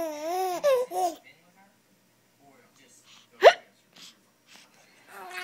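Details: Adult parent's hiccup while a 3-month-old baby laughs: a single sharp, abrupt hiccup cuts a quiet pause, with the baby's laughter and babble before and after.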